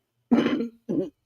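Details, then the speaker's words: An adult speaking on a livestream gives two short, harsh coughs in quick succession in a quiet room, then says "Excuse me, I got a cough"; cough. "Excuse me, I got a cough. Hold on."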